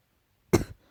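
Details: A single short, light, slight cough after a moment of silence.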